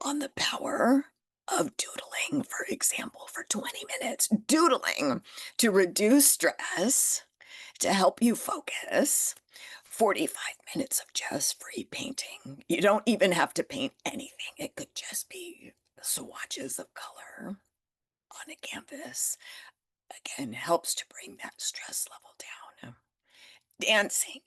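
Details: Adult woman with spasmodic dysphonia that developed after stress and illness while building her business, still audible in her voice; treating it naturally without Botox.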